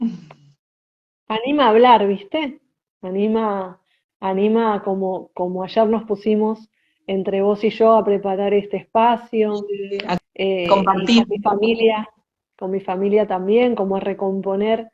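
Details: Adult woman who has stuttered since childhood and was fluent only when making music; stuttering.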